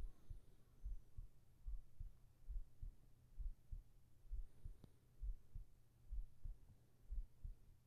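Steady, regular low thumping heartbeat at about 67 beats a minute with a soft hum beneath; a normal resting heart rhythm.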